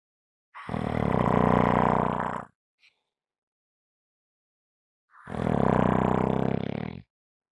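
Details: Heavy snoring: two loud, buzzing, rattling snores, each about two seconds long, separated by dead silence.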